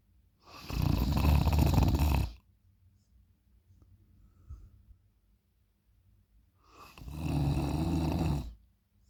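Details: Loud heavy snoring during sleep: two long, loud, rumbling snores on breathing in, separated by quiet pauses.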